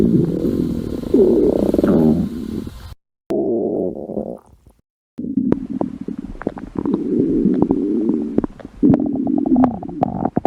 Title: Cute Stomach Growl